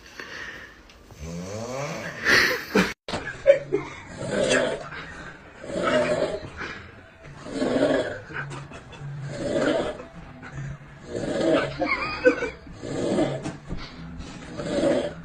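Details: Sleeper snoring: rhythmic rough snoring noises, about 35 a minute, with a brief laugh-like sound near the start.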